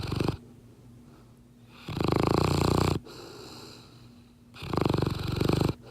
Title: ROCKY THE SNORING BLACK LAB 💤🐶😴💤